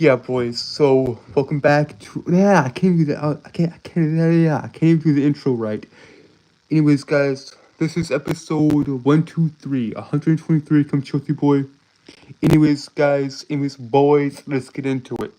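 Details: Streamer with a self-reported speech impediment causing stuttering and tripping over words; stuttering.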